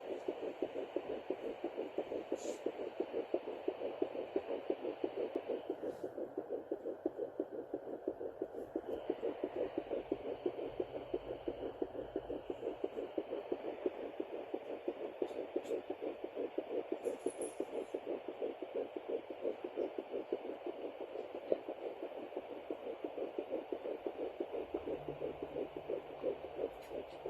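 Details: Home fetal Doppler at 9 weeks 4 days of pregnancy: rapid, regular whooshing pulses of the fetal heartbeat, about 176 a minute, normal for early pregnancy.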